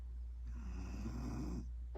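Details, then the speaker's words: Cane Corso puppy snoring: one long, low, rattling snore on an in-breath over steady low room hum. "that's my puppy snore a nobody else me"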